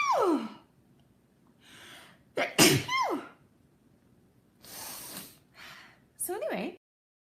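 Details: Girl sneezing, tagged allergies and sinuses: three sharp sneezes, each preceded by a quick breath in, with short sniffs and breaths between them.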